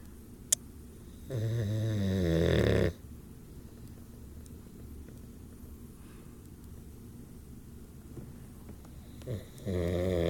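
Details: Sleeping boxer dog with eyes covered gives loud, rattling, buzzy snores on the in-breath, with long quiet pauses between them against low room hum: snoring.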